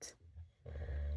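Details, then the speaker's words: Adult husband fast asleep and a habitual snorer: after a brief hiss, a low, rough, fluttering snoring rumble begins and builds. "because I'm quite used to snoring I just feel like whenever he doesn't snow the whole room sounds very empty"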